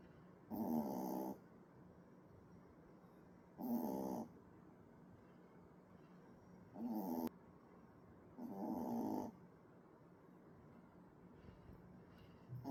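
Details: Puppy snoring like a middle-aged man: four loud rattling snores at slow, uneven intervals, about 19 a minute, over quiet room noise during sleep.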